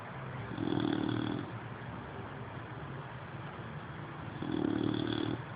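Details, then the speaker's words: Two low, rumbling snores about four seconds apart, each under a second, from Maggie, who has fallen asleep while chewing, over faint room hiss; snoring. "Notice the snoring sounds. I'll snore a grown man."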